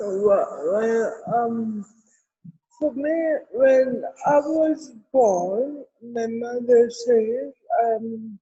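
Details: Adult woman with cerebral palsy present since birth; dysarthria (cerebral palsy).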